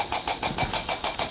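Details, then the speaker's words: Intrapulmonary percussive ventilation machine for cystic fibrosis airway clearance, switched on with the mouthpiece occluded to check operating pressure of about 25–30 before treatment: rapid, steady hissing pulses of air. "so to do that i'm just going to go ahead and turn the machine on"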